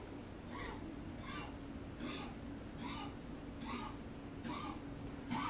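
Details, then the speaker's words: A dog coughing in the background while a person talks. "Y'all, if y'all hear that coughing in the background, that's my dog."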